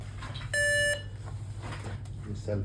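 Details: BPL Relife 900 biphasic defibrillator with AED, switched on after battery installation. A single steady electronic tone lasting under half a second over room hum: the power-on self-test beep, a normal device check.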